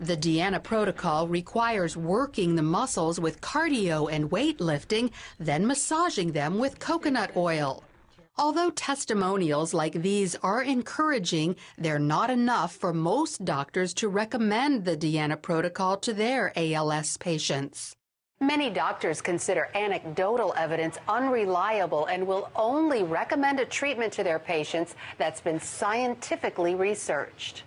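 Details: Adult news reporter; Normal speech.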